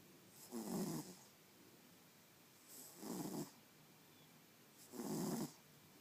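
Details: Sleeper snoring: three slow regular rumbling snores, each about half a second long, roughly every 2.2 seconds (about 27 per minute); snoring.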